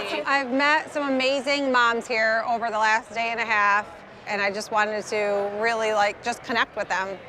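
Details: Adult woman; normal speech.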